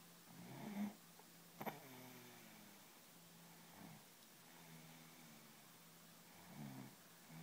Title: My little gem snoring